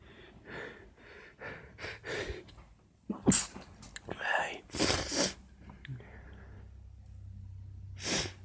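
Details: Quick breaths in, then a run of four sharp sneezes over several seconds; sneezing.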